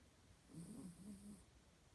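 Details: A single soft, low rattling snore on an in-breath lasting about a second from a sleeping Mochi, in a quiet room; snoring.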